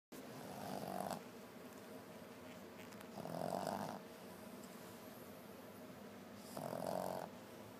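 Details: Three loud, rasping snores about three seconds apart, roughly 20 breaths a minute, over steady room noise, while someone complains they cannot sleep with it going on: snoring.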